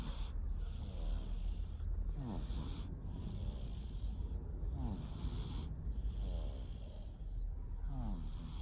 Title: Just a snoring cat